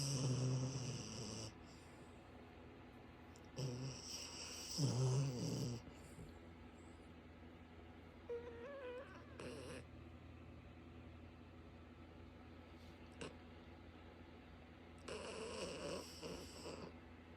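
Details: Slow, irregular rumbling snores from a dog sleeping in bed, about 13 a minute, with quiet gaps and faint room hum between; snoring.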